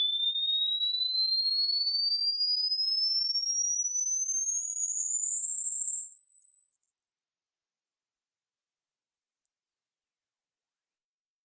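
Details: Pure, steady test tone sweeping smoothly from high to very high pitch, used to check the upper limit of hearing; a hearing test tone sweep.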